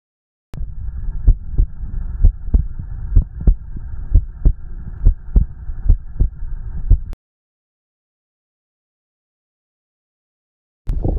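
Regular low thumping heartbeat, about 80 beats a minute, for several seconds, then silence; a normal heartbeat.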